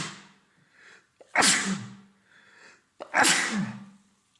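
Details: Adult man with a head cold over three days, congested and runny nose, sore throat: two forceful sneezes, each preceded by a quick indrawn breath.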